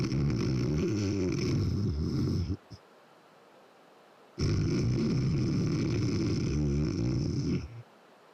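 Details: Adult man's snoring, heard in a TV experiment on telling snoring causes apart by the sound itself.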